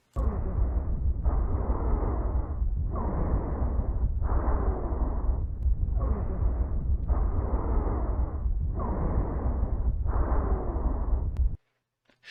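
Rapid, noisy breath sounds with faint whistling, musical notes running through them: wheezes from narrowed airways.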